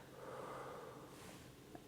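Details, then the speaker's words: A single slow, airy deep breath in a quiet room as an adult male patient breathes deeply during a chest exam, stethoscope diaphragm at the anterior lung apex; normal deep breathing. "So I usually start fairly high at the apex of the lungs. So, you take a deep breath in and let it out."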